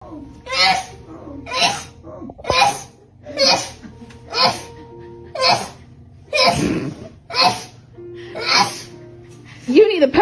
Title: RANKING THE FUNNIEST SNEEZE MOMENTS.